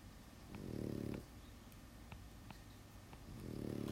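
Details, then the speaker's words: Two soft rattling snores on slow breaths from a small sleeping dog in the background, with faint pen scratching in a quiet room. "Yeah, if you're coming in late, that sound in the background is my dog snoring. Is it really annoying? Or is it just, it's just there?"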